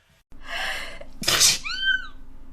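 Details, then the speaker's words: A single sneeze: a drawn-in breath, then a sharp explosive burst ending in a brief voiced tail; an ordinary sneeze. "Bless me. Sorry about the sneeze. I think I'm gonna sneeze."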